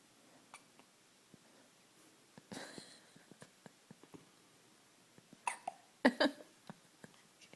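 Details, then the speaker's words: Five-day-old newborn boy with hiccups, chest visibly moving: soft, small catches repeating at irregular intervals in a quiet room, with a few louder squeaky breaths. "got the hiccups, buddy? Yeah. Oh, his little chest. Hey, you got the hiccups, Mr. Hudson?"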